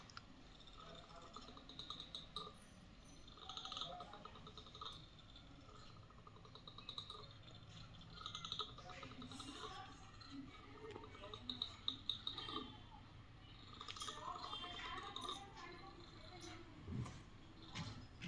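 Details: Repeated dry clicking and grating bursts from a gray langur monkey grinding its teeth, over faint room noise; bruxism.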